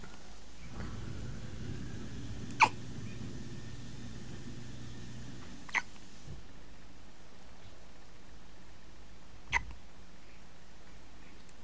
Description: One week old with hiccups